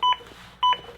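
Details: Two crisp electronic beeps about 0.6 seconds apart over quiet room noise, from a ZOLL AED Plus during a CPR training demonstration, pacing chest compressions at 100–120 per minute.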